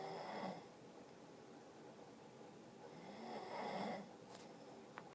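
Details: Two slow, rough snoring breaths about three seconds apart with quiet room noise between; snoring.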